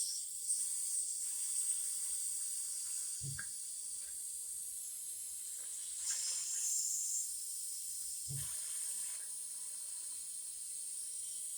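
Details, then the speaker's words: Faint steady hiss with a few soft knocks as leftover oxygen is released by unscrewing a portable cylinder, gauge arrow in the red, before refilling: gas release from oxygen cylinder. "before we're going to fill it, we need to unscrew this one just to release the air."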